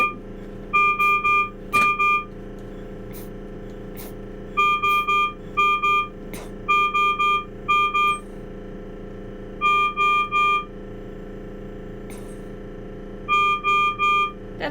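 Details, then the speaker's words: Servo-U ICU ventilator alarm demonstration, shifting from the severe alarm to the less severe (yellow) alarm for high respiratory rate: repeating groups of steady electronic tones over machine hum. "so here i'm just going to unsilence our ventilator so you have an idea of what it actually sounds like so this is that severe alarm"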